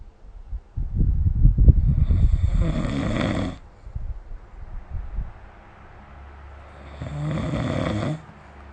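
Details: Snoring during sleep recorded with the SnoreLab app: loud, low, rattling snores on the in-breath, with quieter out-breaths between them.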